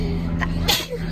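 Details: Girl sneezing during a COVID-19 nasal swab test, a single sharp, short sneeze after a brief catch of breath, over a steady room hum; swab-induced sneezing.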